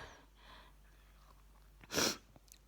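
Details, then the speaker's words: Sneeze near the end of a sneezing fit lasting several minutes: soft breathy intakes in a quiet room, then one sudden loud, hissing burst of air. "okay this time i had my phone by me but it it took a while because i had to put my pin in my pin code in to open my phone and so you're probably getting now the last few minutes of my sneeze in fit"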